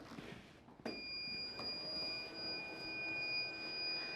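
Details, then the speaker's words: Mechanical ventilator being set up: a sharp click, then steady high-pitched electronic alarm tones signalling airway pressure above or below the set limit. "alarma que es si esto está por encima o por debajo del respirador nos va a indicar que hay alta presión o baja presión"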